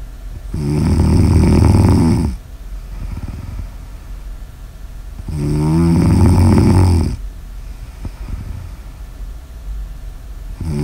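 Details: Audio-only ASMR recording of two loud, low, rattling inspiratory snores, about two seconds each, separated by quieter exhalations over steady room noise. Snoring.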